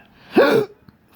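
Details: A single abrupt, voiced hiccup with a sharp catch of breath in an adult with persistent intractable hiccups since December 2015, occurring every 1-3 seconds (20-60 per minute), with breathing and choking spasms; cause undiagnosed.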